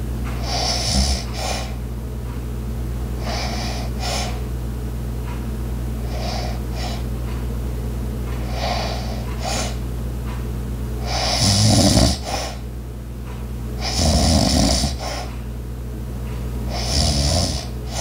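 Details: Light snoring: rhythmic snoring breaths with occasional louder snorts over steady household hum, with ice maker, clock and walking sounds in the background.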